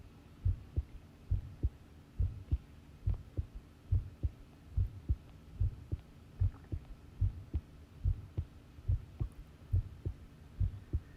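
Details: Long heartbeat recording: normal heart sounds, a steady, regular, low thumping heartbeat at about 71 beats a minute with paired beats and a faint hum.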